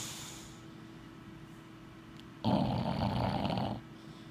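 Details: Bulldog asleep after a big day: after quiet room hum, one long, rough, rattling snore lasting over a second; snoring.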